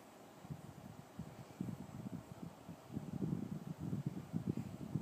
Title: Snoring baby...